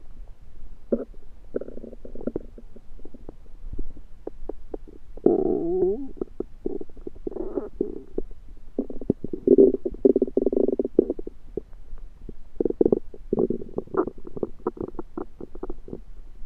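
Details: Loud borborygmi: frequent gurgling and rumbling belly noises in irregular, some drawn-out bursts, late after eating a home-cooked meal the person thinks was undercooked, late February 2023.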